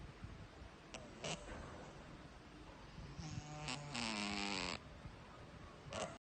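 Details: Sleeping Scottish Fold cat snoring: a soft, buzzing, slightly whistling snore over steady background hiss.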